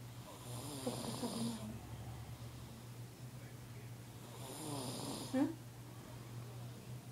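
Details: A sleeping baby gives soft, rhythmic snoring, two breaths in about seven seconds, each ending in a small snort, over a steady low hum; snoring.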